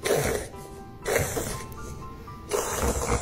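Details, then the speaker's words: Dog reverse sneezing (paroxysmal respiration): three harsh, honking snorts as the dog pulls air in through its nose, attributed to an irritant in the respiratory tract, with music behind. "is called reverse sneeze, in veterinary terms Paroxysmal Respiration. There's some type of irritant in the respiratory tract that is causing your dog to suck in or draw in air in through his nose."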